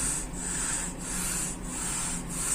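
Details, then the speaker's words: Opened medical suction machine (vacuum generator): the motor shaft drives two pistons that create suction pressure, heard as a rhythmic rasping rub pulsing about twice a second over a steady motor hum. "part of the suction machine is that motor and this motor shaft is connected to two pistons which is created that suction pressure"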